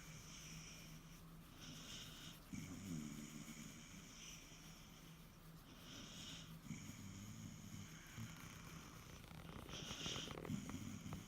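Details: An Irish terrier sleeps contentedly, giving soft, rumbling snore bursts about every four seconds over a steady background hum: ordinary relaxed snoring. Finding: snoring.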